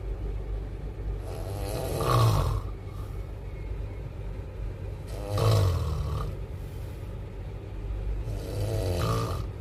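Deep, rumbling snores about every three to four seconds over loud train noise. Heavy snoring during sleep.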